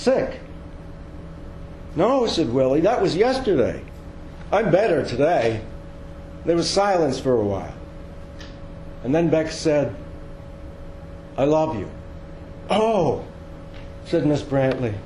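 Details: Woman with dementia diagnosed at age 53, type undetermined (Lewy body, frontotemporal or Alzheimer's), recorded soon after moving into assisted living while still able to walk; fragmented, repetitive speech in dementia.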